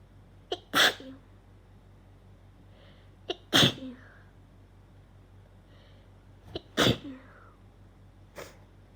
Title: How many sneezes did I sneeze 🤧